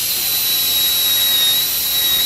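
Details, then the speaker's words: High-speed dental drill: piercing high-pitched whine with airy hiss while cutting lingual guiding grooves in a cast gold crown prep on a model mandibular molar. "place the lingual guiding grooves in the center of the lingual surface and both mesial and distal line angle area."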